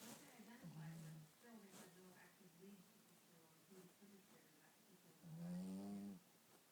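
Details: Snoring from Gizmo, a tired puppy: soft, rough breathing noises with a louder snorting breath near the end.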